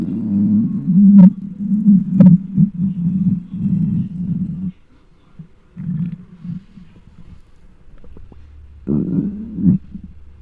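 Loud low gurgling and growling rumbles in bursts with quieter gaps; hunger stomach growling, a normal bowel sound.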